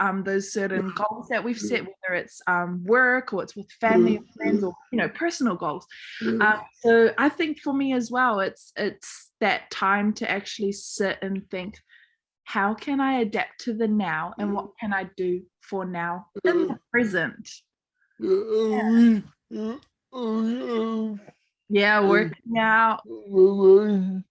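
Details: Adult woman; typical speech.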